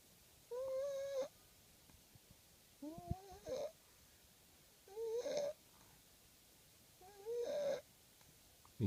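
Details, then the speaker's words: Baby snoring while asleep: four soft, squeaky, high-pitched whistling sleep noises, one about every two seconds, with quiet gaps between. "may be the cutest sleeping noises ever sleepy sleepy in the sounds like an Amal what"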